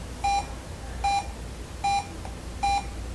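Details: Cardiac monitor beeping during an EKG teaching lesson, where the rhythm is switched away from a normal sinus rhythm of 80; the rhythm shown is atrial flutter.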